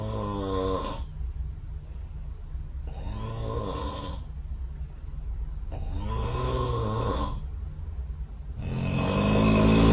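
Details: Snoring recorded overnight by the SnoreLab app running next to the bed during sleep: loud, rough snores, about four spaced several seconds apart, over low room hum.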